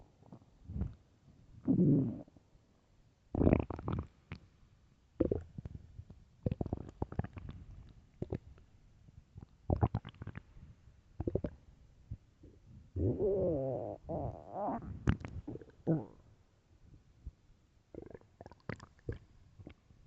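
Loud irregular gurgles, pops and drawn-out rumbles from the belly: hunger stomach growling, a normal bowel sound.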